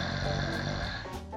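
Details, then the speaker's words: Loud, low, buzzing rattling snore from a sleeping adult, fading near the end with faint tonal background; heavy snoring. "Ouais, là je ronfle bien gros. What ? Pensais pas que je ronflais vraiment aussi fort en vrai."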